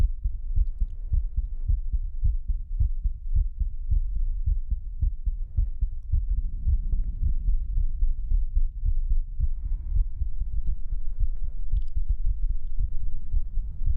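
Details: Pre-recorded heartbeat played as an ASMR trigger: steady low thumping, roughly 100 beats a minute, with a soft hum underneath.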